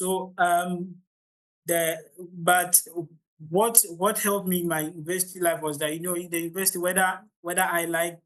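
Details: Stuttering (stammering) in an adult man from Ghana during public speaking; he reports the start of his presentations is usually the most difficult, improving once he gains momentum.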